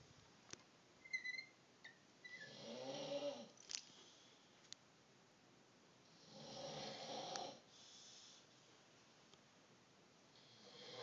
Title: Dying animal snoring